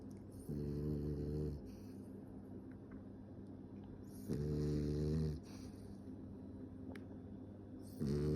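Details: Rhythmic, rumbling snores during inhalation, about 16 a minute, against steady room noise; snoring.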